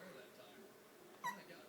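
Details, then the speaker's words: Infant girl being held while lotion is applied: a quiet room, then a single short, abrupt, squeaky catch of breath, a hiccup. Mother says she hiccupped often in the womb. "it's a good thing she doesn't cry when she has it good no she always had the hiccups in my belly because i felt it all the time that's weird yeah because it was so consistent"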